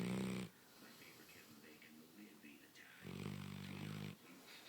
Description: Such a sweet puppy, but she snores like an old man with a broken nose.